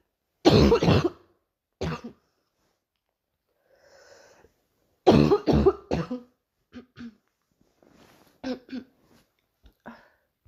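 Several harsh cough bursts in two clusters, then softer throat clearing and quiet coughs in a quiet room.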